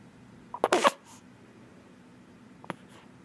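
A sharp sneeze burst followed a couple of seconds later by a smaller sneeze, over quiet room noise.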